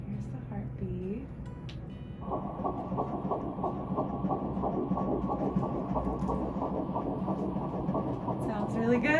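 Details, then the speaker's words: Rapid rhythmic whooshing pulses after a brief pause: fetal heartbeat on Doppler ultrasound in a first pregnancy, measuring 9 weeks 0 days, rate about 170 beats per minute, described as strong and normal. "so say how many beats per minute or like um that's about 170 which is really good i can tell if i'm just listening which is that is a good sign"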